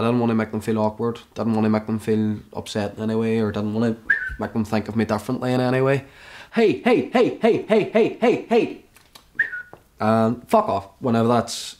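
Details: Young man with suspected Tourette syndrome (not officially diagnosed), sudden onset after a suicide attempt in a psychiatric hospital, with involuntary movements, new stammer and word blocks; involuntary shouting and swearing (coprolalia); vocal tics with coprolalia.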